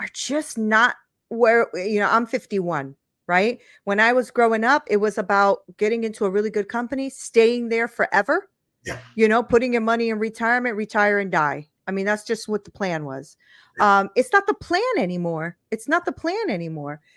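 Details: Adult woman speaking; normal speech.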